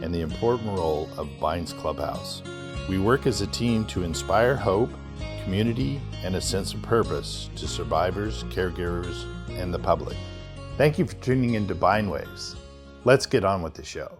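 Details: Adult male speaker; Normal adult speech.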